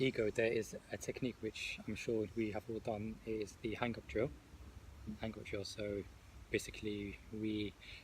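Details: Adult who stammers, taking part in a stuttering support group discussion; stuttering.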